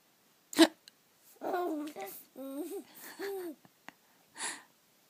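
Sudden sharp gulping catch, then baby vocalizing, followed by further brief abrupt jerks of breath, fitting hiccups.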